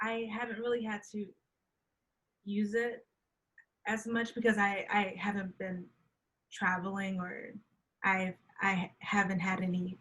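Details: Woman who stutters, who says she knows how to hide her stuttering well, speaking in a podcast interview: stuttering.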